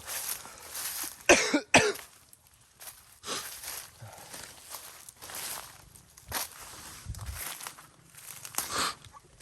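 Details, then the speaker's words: Two sharp coughs from an adult man who says he is unwell, then rustling and footsteps outdoors. "ไม่รู้ว่าจะเจอท่านอาจารย์หรือเปล่านะครับทุกคนก็อย่าเพิ่งรำคาญผมนะผมก็ไม่สบายดก็จะมีเสียงไอเสียงอะไรด้วยนะทุกคน"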